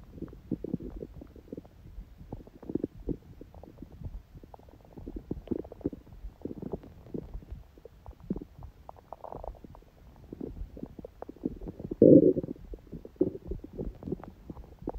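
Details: Soft, scattered gurgles and small pops with one louder gurgle; quiet, ordinary bowel sounds from a person's stomach on a day after a smoothie breakfast and salad, when the stomach stayed mostly silent.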